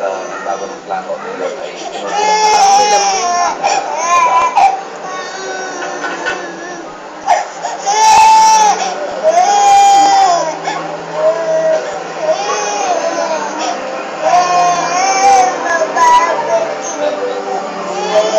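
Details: Infant crying in repeated wailing bursts with background speech, recorded during the funeral procession of comedian Dolphy; ordinary infant crying.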